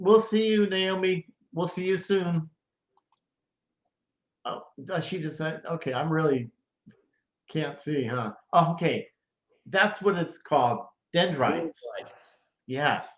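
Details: Adult stroke survivor about 9.5 years after stroke, living with post-stroke aphasia; aphasia.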